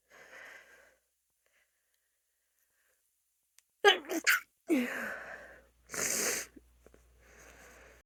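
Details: Female's stifled sneezes: quick breathy intakes, then two or three muffled, suppressed sneeze bursts with a hissy release.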